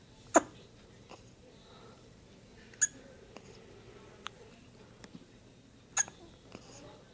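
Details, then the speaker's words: 1-day-old baby with hiccups. "Baby hiccups. Baby hiccups. Oh, poor baby."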